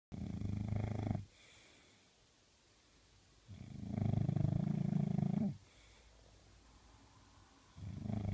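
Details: English bulldog puppy snoring loudly: rumbling, low-pitched snores at about 16 a minute, each one to two seconds long, with quiet gaps between.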